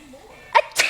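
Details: Single sharp sneeze with a short explosive follow-on over quiet room noise, with a baby laughing at the sneezes: sneezing.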